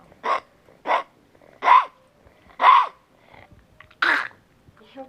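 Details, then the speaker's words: Dog with a congested, slightly wet, hacking cough, five harsh coughs in quick succession; runny nose, cold-like, intermittent; owner wonders about kennel cough or croup. "almost sounds congested. Yeah, almost like he has a little cold. It looks like his nose is a little runny. And he keeps doing this hacking thing. It sounds different"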